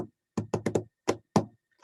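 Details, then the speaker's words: Irregular heartbeat (dysrhythmia) imitated by knocking in a nursing lecture on physical assessment: a quick cluster of beats, then longer pauses, giving an uneven rhythm. "an irregular heartbeat or called a dysrhythmia all right you can feel the dysrhythmia when you're palpating a pulse you can hear a dysrhythmia when you're listening to a heart"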